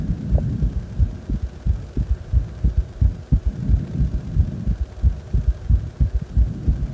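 Regular low thumping heartbeat at about 90 beats a minute over a steady hum, a quickened rate after deep squats.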